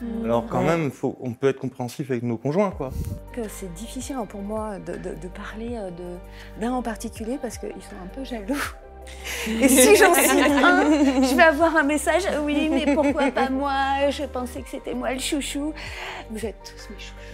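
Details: Adult woman speaking French; normal speech.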